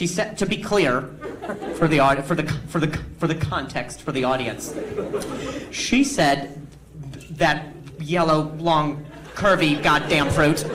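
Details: Adult male stand-up comedian who says he stutters and calls it a very mild speech impediment; repetitions of words and phrases are heard during his set; stuttering.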